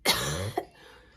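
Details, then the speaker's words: Fully vaccinated woman who tested positive for COVID, who also reports very bad allergies, repeatedly clears her throat after it started feeling funny in the car at symptom onset; dry cough. "but as soon as i left home and got in a car that's when my throat started feeling really funny and i kept having to do that to clear it up"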